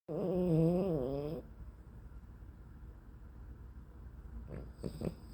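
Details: One loud, drawn-out groaning snore with wavering pitch, then quiet room noise and faint soft breaths; snoring during sleep.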